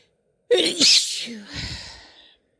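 A single sneeze from a woman: a quick breath in, a sharp hissing burst, then a fading voiced tail.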